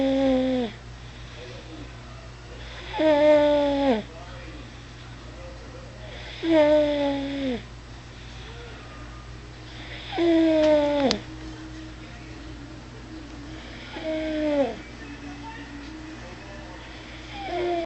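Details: Five drawn-out, high-pitched whistling snores, about 17 a minute, falling in pitch during each breath, over steady room hum, almost like a kitten purring; recorded 03/02/09; snoring.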